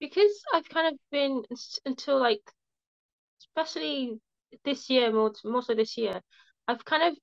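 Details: Young woman who has stammered since primary school and had speech therapy in primary school; stuttering.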